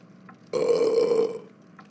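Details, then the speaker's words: A single loud, drawn-out burp lasting under a second in a quiet room, in a staged comedy skit about burping in the living room; burping. "don't burp in here say excuse me right now stop burping if you burp one more time you will be grounded"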